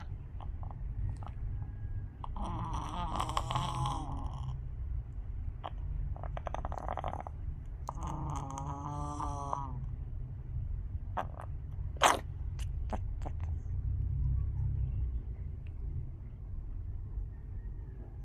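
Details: Chicken with something beneath its beak that the owner cannot identify: gurgling, bubbly vocal sounds, then one short, sharp sneeze.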